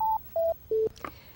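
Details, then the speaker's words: Three falling electronic tones then a click as a Lifepak CR Plus AED is held off via the on/off button to save battery; normal power-off tone. "now hold down the on off button to turn it off so you don't use up the battery"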